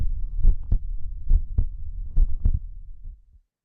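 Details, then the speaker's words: Clear two-part lub-dub heartbeat at about 70 beats a minute with no extra sounds; a recorded teaching example of normal first and second heart sounds, with lub from atrioventricular valve closure at the start of systole. "Lub occurs with the closing of the atrioventricular valves at the start of systole."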